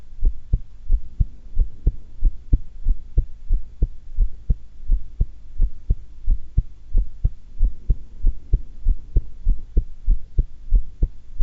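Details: Person calm, not nervous, holding breath (held twice): steady, clear lub-dub heartbeat at about 90 beats a minute, no extra sounds; normal heart sounds.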